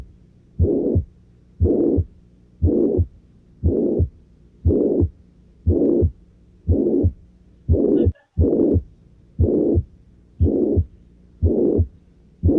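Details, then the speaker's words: Ventricular septal defect: regular heartbeat near 60 a minute with a harsh holosystolic murmur filling systole between the heart sounds. "Más bien holosistólico, ¿no? Sigue siendo un soplo holosistólico."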